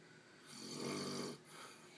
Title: He says he doesn't snore.